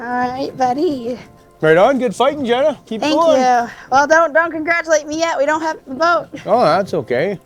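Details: Adult speakers outdoors; normal voice.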